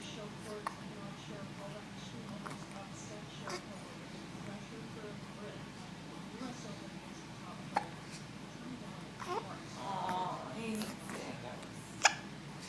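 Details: Baby with a stuffy nose and hiccups that went on long after recording: a few abrupt, short gulping catches several seconds apart over soft background noise; hiccups.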